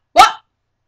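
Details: Vocal tic in a teenage girl with moderate to severe Tourette syndrome who takes medication; an involuntary vocal noise.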